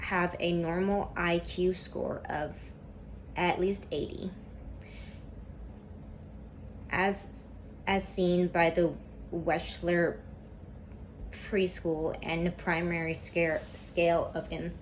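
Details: Female student who stutters reading a class PowerPoint presentation aloud, with a lot of tension at first that eases as the reading goes on; stuttering.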